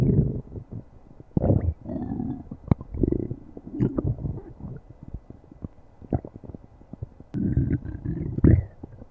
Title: stomach growling